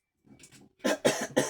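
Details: An adult French speaker, while talking on video, makes soft throaty rumbling followed by three loud, abrupt coughs in quick succession: a short coughing bout with throat clearing.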